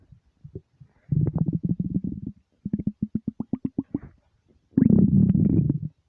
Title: deep long empty stomach rumbles